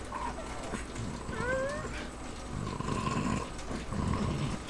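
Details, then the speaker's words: A pug with breathing problems: rough, low snorting and snuffling breaths with a brief high whine; brachycephalic noisy breathing. "but anyways i just wanted to introduce y'all to snuggles you can hear her breathing and how weird it is"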